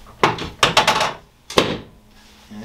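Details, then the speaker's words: Chiropractic drop-table adjustment near the pelvis of a patient reporting some pain: sharp wooden thunks and clunks as the table section drops, a few in quick succession. "you're gonna feel this table up you're gonna feel a drop like that you know and it'll drop like that are you okay with that"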